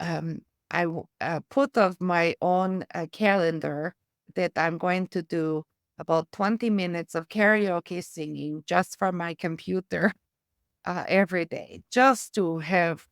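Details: Adult woman, a former trained choir singer, with aphasia, apraxia of speech and foreign accent syndrome from a brain injury, who uses singing and music strategies in her speech therapy.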